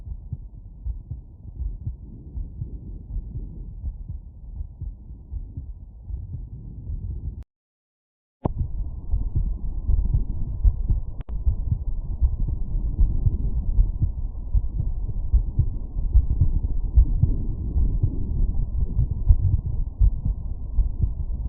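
Low, steady heartbeat through a stethoscope at the aortic area, around 78 beats a minute after exertion.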